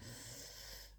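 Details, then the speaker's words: Soft, steady rumbling snoring from a deeply sleeping cat, loud enough to be heard over faint room hiss during a cross-stitch session. "On entend des martis qui ronflent. Je suis vraiment désolée, mais ils ronflent bien. Je crois que là, il est parti au pays des songes et il ronfle."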